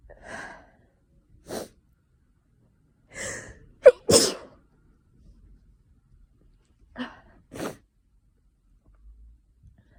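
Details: Sneezing fit from someone with an itchy nose, possibly hayfever from tree pollen or an oncoming cold: about five or six sharp sneezes in quick succession, some preceded by a gasping intake.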